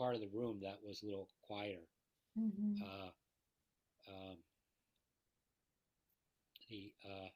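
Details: Person with aphasia speaking quietly in an interview quote about conversation support from friends; aphasia.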